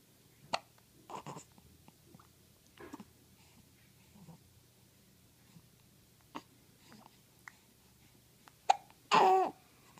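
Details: Eleven-day-old baby fresh from the bath: soft, brief catches in breathing with small squeaks and a louder fussy sound at the end; likely infant hiccups.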